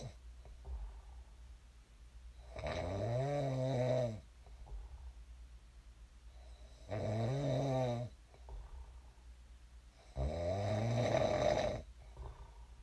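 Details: Person's own sleep snoring, recorded before waking: three long, loud, rumbling snores on inhalation, about every four seconds, with quiet exhalation between.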